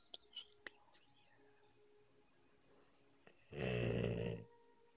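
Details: A sleeper gives a few soft sounds, then one loud, deep, rattling snore in a quiet room. Ordinary snoring.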